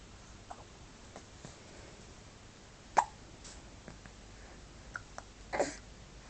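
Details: Adria: soft, sharp, irregular catches, several over six seconds, in a quiet room: hiccups.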